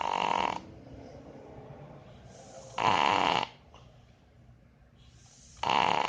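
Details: Sleeping dog snoring; three loud, rasping snores roughly every 2.5–3 seconds with quiet breathing between.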